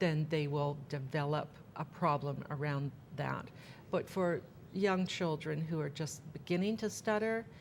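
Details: Adult woman speaking; typical speech.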